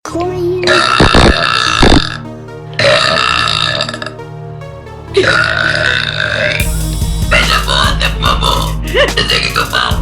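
Three loud, prolonged voiced belches, each about one to two seconds, followed by talk and music in the background.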